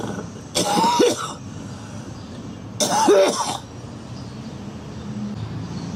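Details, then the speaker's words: Two harsh, voiced coughs a couple of seconds apart from a girl outdoors over traffic noise; she says her lungs sound horrible. "Oh, my lungs sound horrible."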